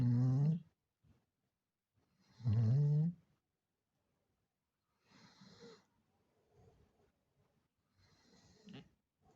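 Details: Loud rumbling inhaled snores with quieter snuffling breaths between, about 24 per minute; a female named Pumpkin snoring.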